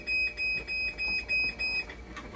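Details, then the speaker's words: A hemodialysis machine alarm signalling a conductivity problem during a technician's repair: repeated high-pitched beeps in a steady pattern over room noise. "Okay, so yan, conductivity. Conductivity problem yan."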